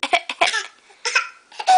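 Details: A baby gives several short, sharp, voiced cough bursts in quick groups with brief pauses, prompted to do a "baby cough"; the cough is described as bad.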